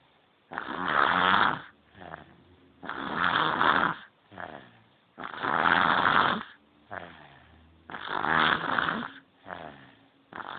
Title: snoring baby - Horlayan bebek